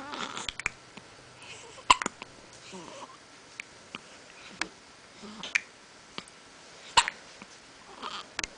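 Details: Hiccups in a girl who gets them very often: repeated short, abrupt gulping sounds every second or two in a quiet room.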